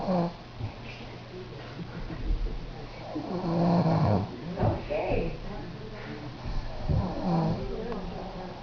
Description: this is me... caught snoring after eating a ton of turkey on thanksgiving.